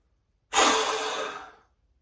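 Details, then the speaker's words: Adult with asthma doing a harder, maximal blow into a Bluetooth smart peak flow meter after a first reading of 588 L/min: a single sharp, forceful exhalation lasting about a second, tailing off. "Connected, and it just says blow into the device. So off camera I'm going to do a bit of blowing. Wasn't blowing super hard, but I've got a 588. Let's blow a bit harder."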